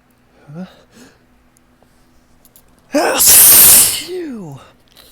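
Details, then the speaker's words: Allergic sneezing on a high ragweed pollen morning: a ticklish build-up with short catching, hitching breaths, then one loud, explosive, wet sneeze with a falling vocal tail, one of a run of repeated sneezes. "Oh boy. Oh. It's just a bigger tickle. It's you. It's you. It's you. It's you. It's just like a domino effect in my nose. I just one sneeze just kind of leads to the next."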